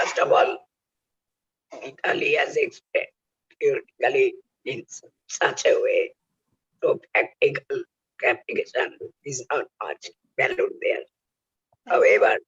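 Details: Real adult male whose larynx was removed for cancer (total laryngectomy), now speaking with oesophageal speech learned by the injection method of taking air into the oesophagus; finding: oesophageal speech after total laryngectomy.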